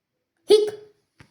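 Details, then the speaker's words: A single short voiced 'hic' imitating a hiccup, at the end of a children's explanation: the diaphragm moves suddenly, air is sucked in, and a flap in the throat closes to make the hic sound. "And then a little flap in our throat closes and makes the hic sound."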